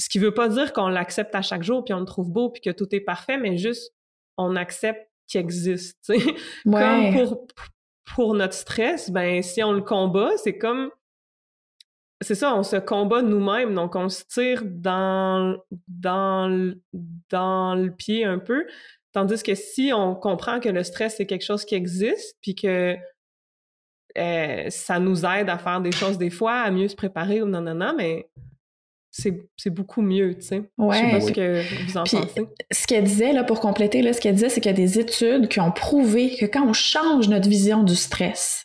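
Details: Stuttering in a 64-year-old recently retired adult who decided to change his relationship with stuttering after retirement; speaking French.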